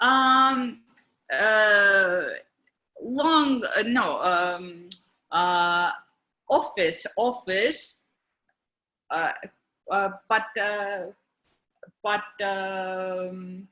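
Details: Adult woman, stroke survivor in India, with aphasia five years after her stroke, still in daily speech therapy, with her husband as care partner; non-fluent aphasia.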